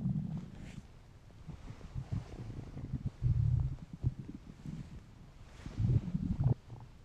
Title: Weird hungry stomach noises